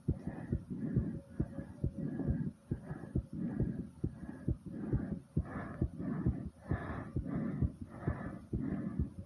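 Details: Fast heartbeat and heavy breathing after doing squats to near exhaustion: rapid, regular heartbeat thumps with loud, heavy breathing rising and falling; tachycardia after exercise.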